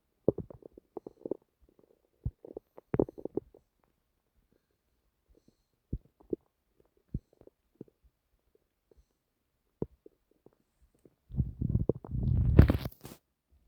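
Scattered gurgles and squeaky pops, ending in a longer rumbling gurgle. Ordinary stomach rumbling.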